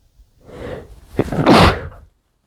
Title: muffled chinkni sneezes (m)